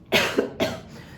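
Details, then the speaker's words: Two short, sharp dry coughs without wet rattling from an adult with stage 3 squamous cell lung carcinoma (right lower lobe tumour, lymph node spread) who also wheezes at times; dry cough. "by the way, you're going to hear me cough. Maybe every once in a while you might hear me wheeze. That's a couple of the symptoms that I have."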